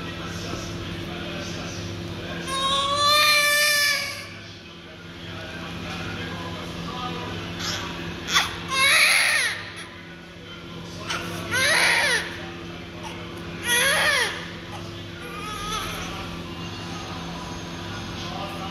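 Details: Newborn just after umbilical cord cutting and cord clamp fixing, crying with a big open mouth: loud, repeated, vigorous crying bursts with pauses for breath over a steady room hum.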